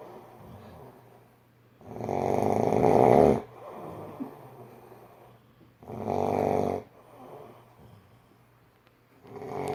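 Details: Adult friend asleep, lights out during a movie: loud, harsh, rattling snores on each breath in, about every four seconds, with quieter breathing between; very heavy snoring.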